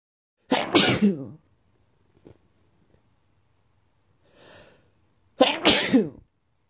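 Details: Person with daily morning sneezing attacks in February, attributed to dust and mold in the house: two loud explosive sneezes about five seconds apart with a faint breath between.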